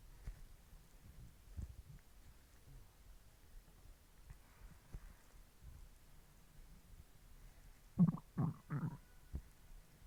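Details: Stomach growling from hunger: quiet low gurgling, then three louder rumbling bursts near the end; borborygmi.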